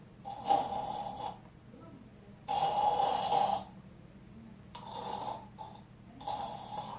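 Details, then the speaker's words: Harsh, rattling throat snoring in uneven bursts, described as a narrowed upper airway beginning to obstruct, beyond simple snoring; obstructive snoring. "그래서 단순한 커버를 그냥 거 아 형 존에는 코골이 당시 기구가 좀 더 효과가 있을 수 있겠지만 이런 목 뽀이 소리가 이렇게 합니다"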